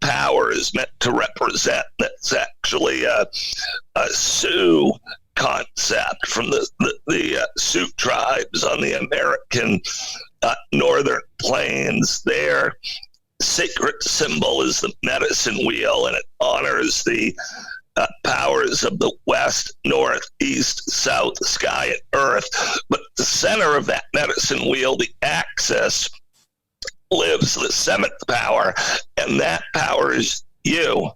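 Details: Adult man with spasmodic dysphonia, a rare neurological voice disorder affecting only speech, acquired in 2010 with sudden onset of difficulty using his voice; no known cause or cure.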